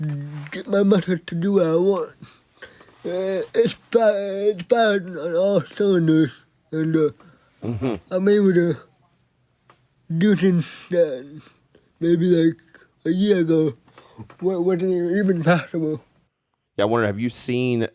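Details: 24-year-old man with cerebral palsy, a motor disability affecting control of his body; dysarthric speech.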